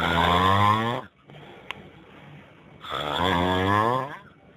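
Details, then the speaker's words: Snoring sound, with music, in an anti-snoring and sleep apnea treatment promo that links snoring to a higher chance of strokes and heart attacks. "yep your snoring is putting a damper on things at home and you know it can increase the chance of strokes and heart attacks"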